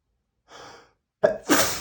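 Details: Male: a soft sharp inhale, a pause, then a forceful two-part sneeze; a single loud sneeze.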